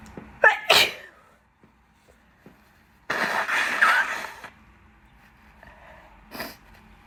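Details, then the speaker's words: Person with an itchy nose during a bad pollen season gives a quick double sneeze, a longer spraying wet sneeze, then a brief deliberately stifled one; repeated wet sneezing. "I'm going to try stifles a bit. Oh my god, my nose is itchy."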